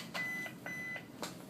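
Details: Two short, steady electronic beeps over faint clicks and room noise: a button-press confirmation tone from a manual monitor-defibrillator with a pacing module, during a paddles and three-lead ECG monitoring demonstration.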